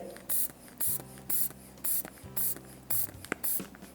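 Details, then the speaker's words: Hand bulb inflating a blood pressure cuff at home while fingers feel the brachial pulse, before stethoscope use; regular squeezing air puffs about twice a second, faint background music. "അപ്പൊ ഇത് അടച്ചിട്ട് നമ്മളിത് pump ചെയ്ത് pump ചെയ്യുന്നതിനേ നമ്മുടെ കൈ ഇവിടെ pulse നോക്കി പൾസിന്റെ മുകളിൽ വെക്കണം"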